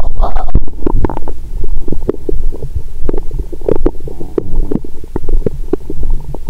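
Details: Woman after a meal with wine following 22-hour fast, stethoscope on abdomen: frequent low gurgles, clicks and rumbles; active bowel sounds (borborygmi).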